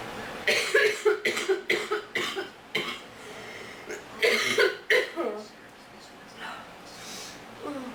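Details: Acted imitation by a character saying their allergies are bad and they are sick: a run of about eight short, harsh coughs in two bouts, then quieter breathing.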